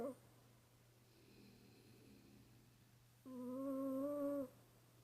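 A sleeping cat gives a soft rumbling breath, then a louder whistling, humming snore on the next breath.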